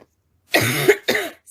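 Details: Woman with a persistent barking cough that worsens at night: two harsh, hoarse cough bursts in quick succession with a rough, barking quality.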